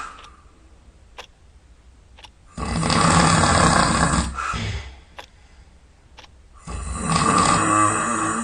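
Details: Snoring at night, sound asleep: two loud, rough snores on breathing in, separated by quiet pauses with faint clicks.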